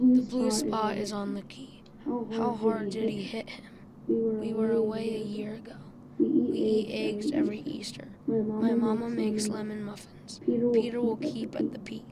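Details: Hoarse voice from vocal fold nodules in a 12-year-old boy reading sentences before starting voice therapy.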